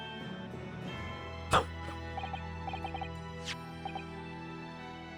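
One sharp, loud cough and a fainter second burst, heard over soft game background music with chiming tones; a plain cough.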